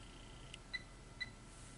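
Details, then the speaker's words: Alaris IV infusion pump in a nursing skills lab demonstration. A soft click, then two short high beeps about half a second apart as a 100 mL/h rate is keyed in before pressing enter. Quiet room. "So I'm going to put in 100. And then after each setting, you have to press enter to get to the next setting."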